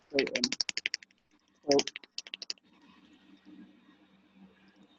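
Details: Radial shockwave therapy applicator (DC Master Touch) firing on the upper limb/shoulder during a practical demonstration, moved in circular motion medial to lateral; two bursts of rapid sharp clicking pulses, then quiet room hum.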